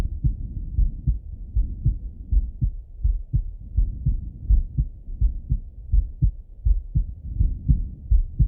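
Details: Male heart auscultated with a stethoscope, recorded either sitting at a desk or lying in bed: steady low lub-dub about 80 a minute, no extra sounds; normal heart sounds.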